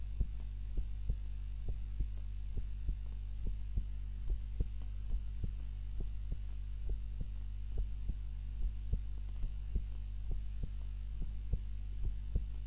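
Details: Heart sounds recorded by timer during a daytime nap, lying on the back rather than the usual face-down: soft regular thumps roughly 60 to 70 a minute beneath a loud steady low hum; normal heart sounds.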